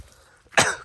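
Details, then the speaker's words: Single short, harsh adult cough from a man who says he is unwell; isolated cough. "ahไม่รู้ว่าจะเจอท่านอาจารย์หรือเปล่านะครับทุกคนก็อย่าเพิ่งรำคาญผมนะผมก็ไม่สบายดก็จะมีเสียงไอเสียงอะไรด้วยนะทุกคนไปทุกคนเดี๋ยวรีไปหาท่านอาจารย์กันดีกว่านะครับปไปกันครับก็เดินมาได้ไกลแล้วทุกคน"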